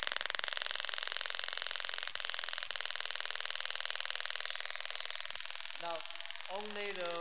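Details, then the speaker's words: Pneumatic radial shockwave therapy applicator (LGT-2510B) running at maximum pressure (5 bar), with a quiet oil-free compressor: rapid, steady ticking pulses, about four a second, with a loud hiss. "voice from the applicator the machine you can you can pay attention for the machine the machine is very very silent because we use very powerful uh oil your compressor"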